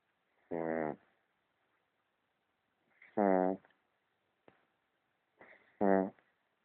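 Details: Sleeping snorer: three short, rough, buzzing snores spaced a few seconds apart in a quiet room.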